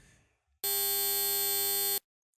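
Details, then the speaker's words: Steady buzzy electronic tone simulating tinnitus, the ringing in the ears heard after loud noise such as drums or nightclubs. "that that's what tinnitus is like"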